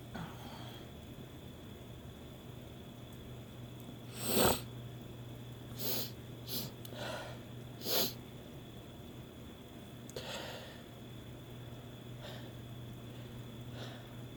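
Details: Woman's sneezing, induced by her first use of Chhinkni sneezing powder after extra doses and another added stimulus: one loud sneeze, then several smaller sneezes and sniffs over about ten seconds in a quiet room with a steady hum.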